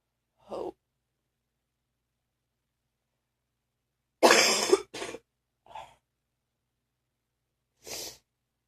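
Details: Morning cough: one loud harsh burst followed by shorter scattered coughs with a rattly, phlegmy quality, nearly choking: productive (wet) cough.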